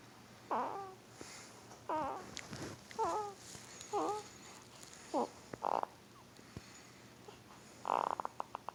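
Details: Sleep grunting and snoring from a hard-asleep 2-week-old newborn boy: about seven short, squeaky, rising-and-falling noises and soft grunts, with quiet room noise between.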